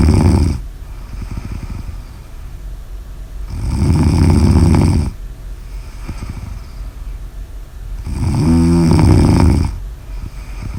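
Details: Snoring audio recording.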